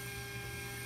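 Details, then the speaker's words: Countersink drill at 1,200 RPM with very light pressure in an artificial mandible molar extraction socket, simulating immediate zirconia implant placement: steady low motor hum with a faint whine. "very little amount of pressure. If we do too much pressure, the counter sync is going to bounce too much. So, very little amount of pressure. 1,200 RPM."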